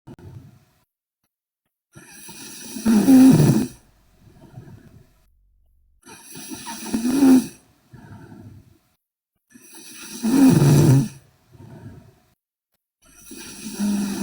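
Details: Loud, rattling snoring from a sleeping Korean girl on each breath in, about five breaths per minute, with quieter breaths out between them.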